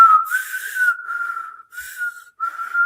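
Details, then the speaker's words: Equine respiratory sounds: steady flute-like whistling wheeze in repeated stretches, not very harsh but clearly heard, from air through a narrowed airway; in the horse linked to asthma and difficulty exhaling. "que normalmente son el sonido que causa el la el paso del aire por un por un conducto estrecho, ¿verdad? Que normalmente indican eh como eh como un silvido, ¿verdad? y como una flauta, por ejemplo, no tan estridente, pero sí se escucha claramente"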